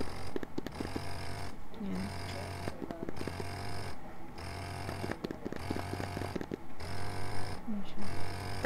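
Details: Medela breast pump (Swing Flex or Solo) in expression mode; quiet, low mechanical hum rising and falling in repeated suction cycles, about 90 a minute, with faint background music: electric breast pump running.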